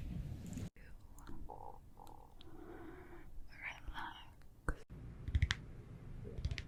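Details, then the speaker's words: Stomach growling (borborygmi) from an adult woman around lunchtime who says she is hungry. "It's my stomach. It's like a fluffy, hungry."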